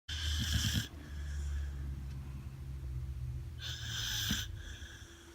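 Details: Sabbath, a sleeping Labrador x Blue Cattle Dog (Labraheeler), gives two breathy snore cycles with a low, rumbling, fluttering sound and a hissing out-breath. Ordinary snoring.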